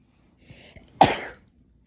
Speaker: i don't know i just sneezed out of nowhere i think because i was a little cold today it's been a little chilly